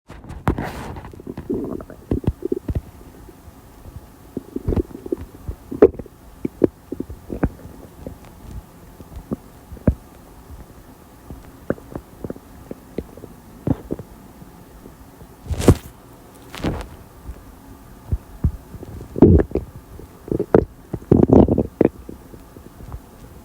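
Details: Irregular gurgles, pops and low rumbles from the abdomen after soda and lunch; ordinary active bowel sounds (borborygmi).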